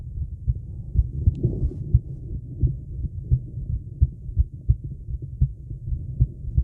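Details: Female heartbeat during recovery after a 30-second plank, with breath-hold: steady low thumping heartbeat at about 88 beats a minute, normal heart sounds.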